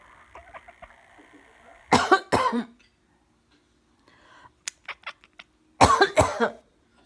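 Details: A person coughing, with a cat that dislikes the sound of coughing reacting; cough.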